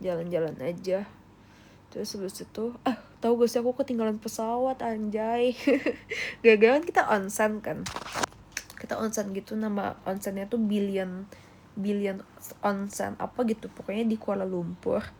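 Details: Rhotacism (Indonesian "cadel") in an adult female. She cannot produce word-initial R, which comes out like W, and can only force word-final R, which still sounds off.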